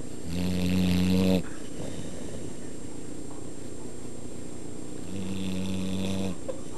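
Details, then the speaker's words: A sleeping Pit Bull gives two long, loud, buzzing snores separated by a few seconds of quiet breathing: heavy, rattling snoring. "dog snore like crazy. You hear when she blows up?"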